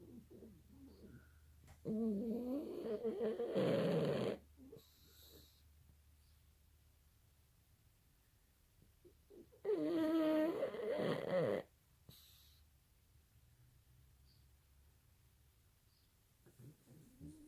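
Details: Sleeping subject, said to be dreaming: two soft, drawn-out snoring breaths with long quiet gaps in a quiet room; light snoring.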